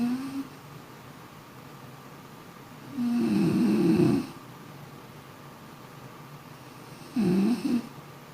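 Two loud vibrating snores several seconds apart with quiet room noise between, a sleeping adult snoring.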